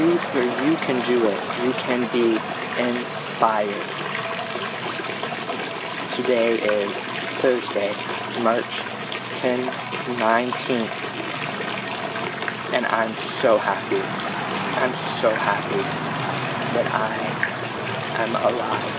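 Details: Adult man with aphasia after a stroke, a graduate of an intensive aphasia therapy program, who previously could not say his name; aphasia.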